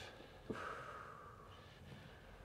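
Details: During a chiropractic visit for upper cervical adjustment for post-concussion syndrome: a single brief nasal snort followed by a drawn-out breathy exhale in a quiet room.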